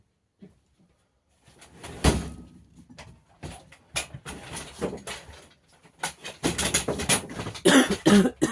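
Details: Child's harsh, barking cough in repeated loud bursts with rough, noisy breaths between them.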